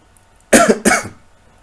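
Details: Two harsh, explosive cough bursts in quick succession in a quiet room during a mushroom-eating challenge.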